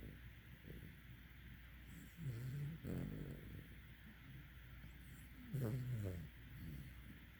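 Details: Sleeping puppy: a few soft, low, slightly whiny snores a few seconds apart over steady background hum; snoring.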